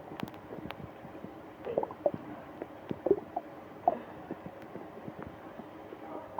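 Quiet squelching gurgles and brief high squeaks over faint background noise: stomach growling during a stomach ache.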